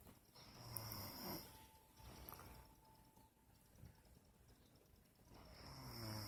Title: She says I snore loud lol